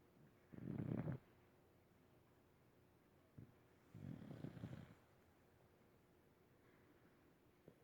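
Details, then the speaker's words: Sleeper that snores every day: two low, rumbling snores about three seconds apart with quiet breathing between; snoring. "Roxy. Did you know you snore? Yeah?"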